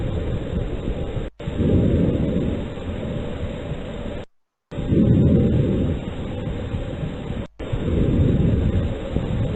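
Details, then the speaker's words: Normal vesicular breath sounds over the front of the chest, simulated in a teaching example: soft, low-pitched rustling breaths at about 20 a minute with no added sounds. "pero si se dan cuenta esto que acabamos de escuchar es lo normal es así como debería contarse"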